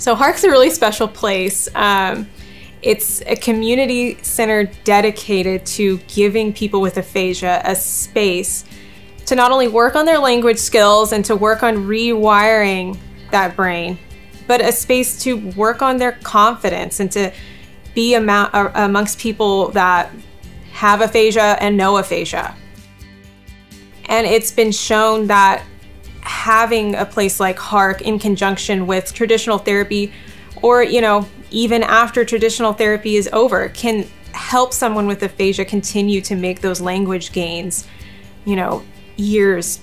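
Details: Adult woman speaking; normal speech.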